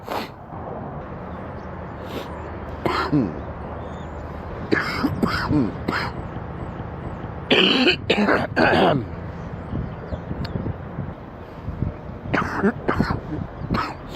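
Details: Man sick with an extremely stuffy nose: several deep, harsh, loose rattly coughs and throat clearing over a steady background hum, a deep wet productive cough.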